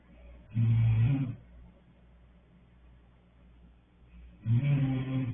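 Two loud, low, rattling breath sounds separated by a quiet pause, typical of snoring during sleep.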